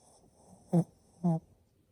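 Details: Male Shih Tzu dog, born March 2015, sleeping; two short, loud nasal snorts amid quiet breathing, snoring like an old man: snoring.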